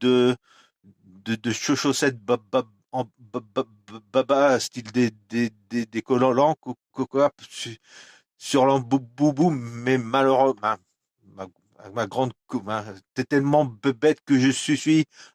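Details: Adult man with stuttering that worsens when he recalls a stressful workplace period around 2004, so words no longer come out; audible repetitions; stuttering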